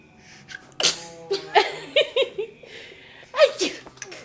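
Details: Two loud, sudden sneezes separated by brief voices and laughter, with faint music behind; a bystander asks whether the sneeze is pretended.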